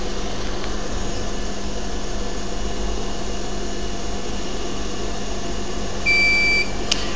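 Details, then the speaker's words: Steady hum of an argon induction casting machine with a brief electronic beep signalling ready, while non-precious metal ingots melt for casting a 7-unit dental bridge in a lab. "the machine is telling me actually that we're ready but i doing a little bit of an extra time and here I go with my casting"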